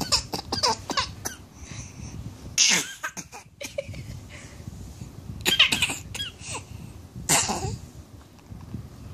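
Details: A 6-month-old baby coughing during breastfeeding: short, breathy cough bursts broken up by giggles and babbling, a playful, pretend cough.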